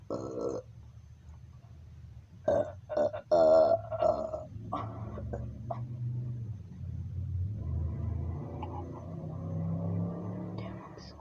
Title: me burping again